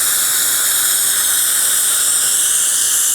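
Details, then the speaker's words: Steady high-pitched whine and hiss of a dental handpiece with the green polisher, the first step of a three-step green-blue-yellow system, removing diamond scratches from a porcelain restoration after bite adjustment. "right now we have the the green and we're going to go in there and just remove any diamond scratches that may be in the porous one"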